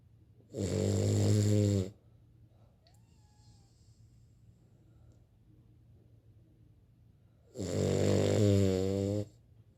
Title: Cavalier King Charles snoring. Turn up the volume